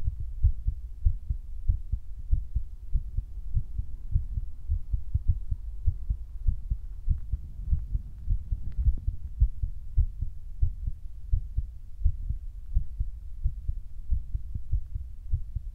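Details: Person's own heartbeat recorded for ASMR, which they felt was beating fast; steady low thumping at roughly 95 to 100 beats a minute with a soft continuous rumble underneath; normal heartbeat.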